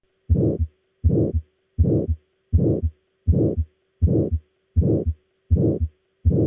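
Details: Regular heartbeat near 81 per minute, each beat with a coarse rushing murmur filling the gap between the first and second sounds: a systolic aortic stenosis murmur.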